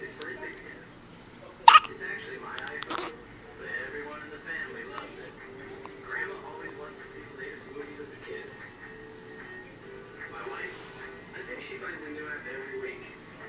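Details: A 19-hour-old newborn boy with hiccups: one or two sudden, sharp hiccup bursts over quiet background talk or television.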